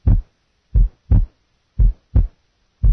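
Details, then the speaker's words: Simulated physiological split second heart sound at the base left, splitting on inspiration and single on expiration, about 57 beats a minute; normal finding; nursing heart-sound assessment teaching recording. "so then bass left physiological split second sound physiology tone okay let's do so inspiration inspiration"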